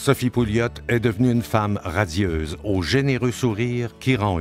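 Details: Adult male narrator; normal speech.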